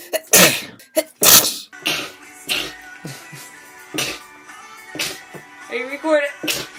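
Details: Compilation of a woman who has sneezed her whole life, with sneezes mistaken for laughing or coughing: several abrupt, explosive sneezes in quick succession over music and room noise.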